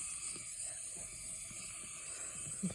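Steady airy hiss with a faint low hum and a few soft taps: a small-volume nebulizer running during a training role-play on a mannequin.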